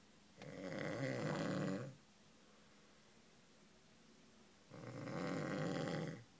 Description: Snoring fireman snores loudly and wakes up with a funny face.